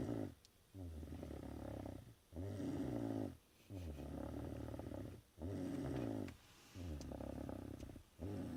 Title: snoring away. Went to a magic show